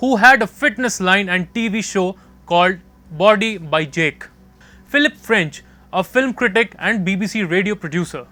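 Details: Adult narrator; Normal fluent speech.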